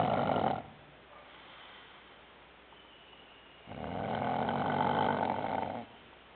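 Loud, rough, rattling snore on each in-breath, separated by quiet out-breaths; about two snores in six seconds.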